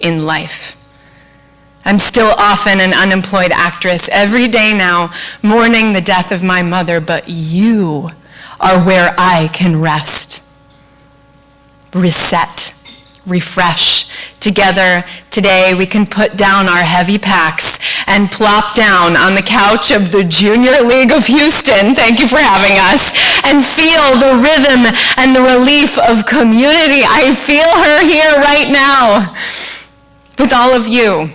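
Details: Adult woman speaking; normal speech.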